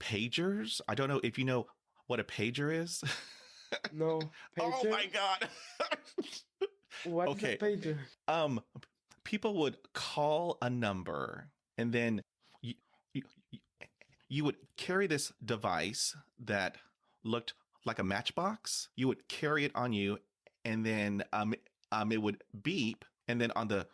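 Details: Stuttering with blocks, including difficulty with words starting with H, in an adult man who has had 20 years of speech therapy.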